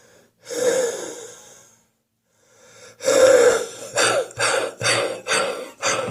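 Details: Adult with a spring cold and a real wheeze on the chest this morning: a long wheezy breath, then a run of five wet, chesty coughs; wet productive cough with wheeze.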